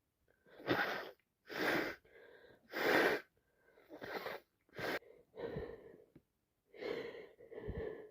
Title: My boss and me sneezing tonight both full of flu either me or her sneezing and one point